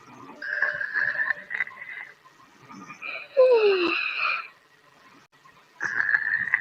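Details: Sleeping dog snoring: high, whistling, squeaky snores on slow breaths, with one falling squeal midway, separated by quiet pauses. Snoring.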